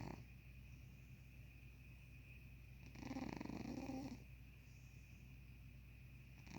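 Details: A sleeping cat snoring with a soft, fluttering, purr-like snore on one breath and quiet breathing around it; the cat snores often, but this time it sounded like purring.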